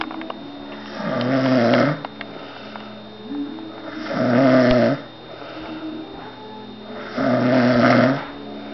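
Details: Man who fell asleep at a friend's house, as he usually does, snoring: three loud, rough inspiratory snores at about 20 a minute with quiet breathing between.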